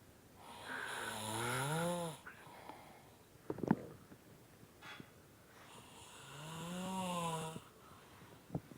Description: My dad falling asleep in his chair again and annoying everyone. I wonder if it is only my dad who does this or not?